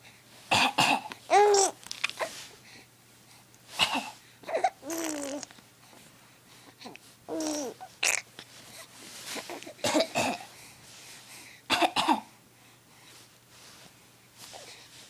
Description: thinks coughing is funny.